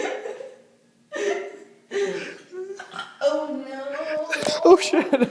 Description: Can't... stop... burping...